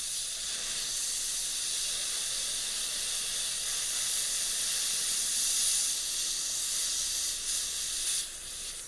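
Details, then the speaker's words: Dental air syringe drying the dentin and enamel of a prepared, etched tooth after rinsing, before bonding: a steady high airy hiss. "A little further drying, please. I would prefer to dry the dentin as well as the enamel,"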